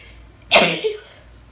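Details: Woman with a head cold, sneezes deliberately induced alongside nose blowing: a single explosive sneeze with a sharp hissing burst and brief voiced tail.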